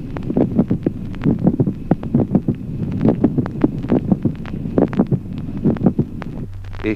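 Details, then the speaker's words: Mid-systolic click: heart sounds near 68 a minute with a brief extra sound about midway through systole, between the first and second heart sounds. "Ejemplo séptimo. Clic meso sistólico. aproximadamente en la mitad de la sístole, un ruido adicional breve."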